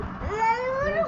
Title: My Daughter Crying 😂